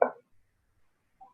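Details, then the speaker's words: Normal resonant percussion note over the chest, percussed over the intercostal spaces along the midclavicular line, using the angle of Louis as the reference point: a loud, low-pitched, prolonged sound. "Nos vamos hacia la línea hemiclavicular y empezamos a percutir siempre sobre los espacios intercostales. Vamos a escuchar sonoridad."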